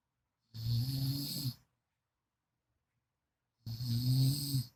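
Two loud, low, rumbling snores separated by a silent pause, a deep rattling tone on each breath. Ordinary snoring.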